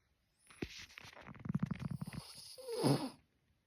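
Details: Tired pug sleeping and snoring: a fluttering, rattling snore on one breath in, ending in a snorting, wheezy sound; typical noisy sleep breathing of a flat-faced dog.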